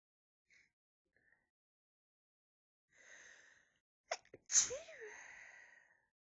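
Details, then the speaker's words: Person with a persistent nose tickle sneezing repeatedly: faint breathy build-up and quick catching inhalations, then one forceful sneeze trailing off into a breathy exhale. "These sneezes feel so good, but it tickles so much."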